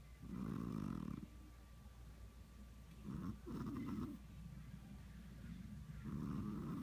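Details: Cat snoring like a buzz saw: loud, rattling, buzz-like snores with each breath in a steady rhythm over a low background hum.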